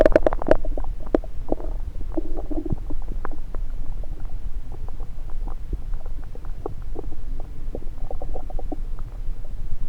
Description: Today's Stomach recording session has the Stethoscope placed on multiple parts of my belly.